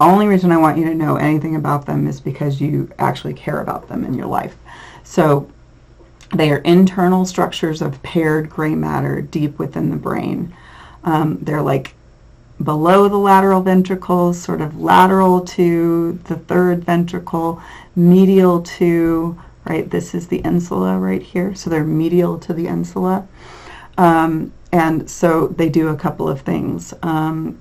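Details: Adult lecturer; normal speech.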